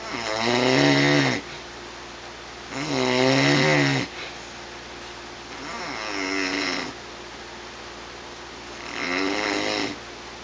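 Loud, vibrating snores on each breath in, about four in ten seconds, with quiet pauses between; a low steady hum in the room.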